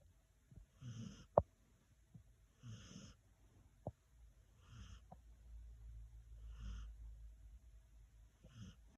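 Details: Sleepy senior dog snoring: soft, rhythmic breaths with a faint whistling edge, about 30 a minute, with a few small clicks between them.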